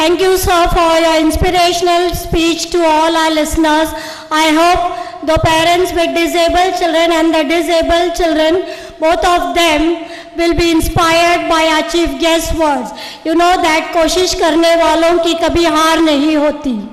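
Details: Adult event host speaking into a microphone; typical speech.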